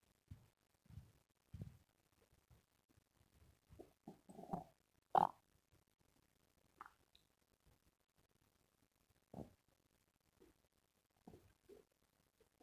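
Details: Stomach growling: quiet, irregular gurgles, squeaks and rumbles with silent gaps, ordinary bowel sounds (borborygmi).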